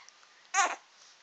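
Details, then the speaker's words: 3-month-old baby during tummy time, a little congested and tired, gives a single brief, tonal fussing whimper of displeasure. "come on baby yeah he's not happy hi boo hi boo he's a little congested today so maybe that's why he's"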